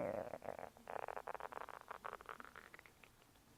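Gurgling, bubbling rumbles that rise in pitch and fade over a few seconds; ordinary stomach rumbling after eating.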